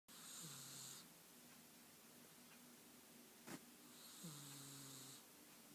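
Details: Calico Himalayan cat: two drawn-out breaths with a whistling, humming snore tone and a hissy edge, separated by quiet breathing; snoring.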